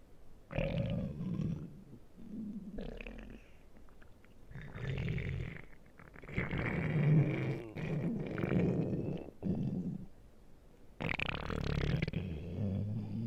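Low, rumbling gurgles that rise and fall in irregular waves over several seconds; stomach growling from gas and fluid moving through the gut.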